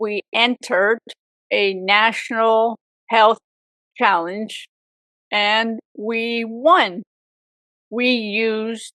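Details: Aphasia in a woman 18 years after a severe stroke at age 44, with apraxia also reported.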